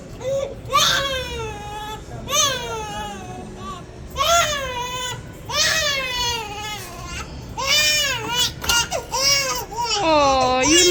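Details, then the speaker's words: High-pitched, strained crying from a baby girl just after having her ears pierced: repeated wailing bursts with sharp breaths between them over faint background music; infant pain cry. "see yes it's not that bad is it she done crying see that's it it's just the pain at first and then it's over with"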